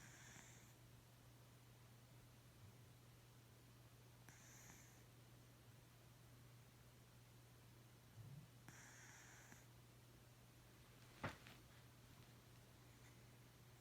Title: Bailey the mini dachshund snoring in his bed. 🐶💤